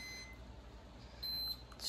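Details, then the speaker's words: Soft high-pitched electronic beeps over quiet room noise from the feeding pump of a special-needs baby fed by G-tube; the pump stopped because the formula bag ran empty, leaving about 20 ml in the line. Feeding pump alarm. "this is what happens when the formula is all out you can see Wow there's no formula left it stopped right here"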